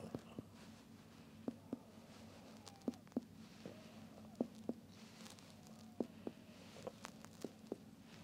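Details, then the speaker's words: Paired finger taps repeated down the abdomen in a quiet room, giving short, dull notes: bladder dullness right above the umbilicus, found before percussing for shifting dullness of ascites. "okay so I can detect dullness which is elicited by the bladder right above the umbilicus"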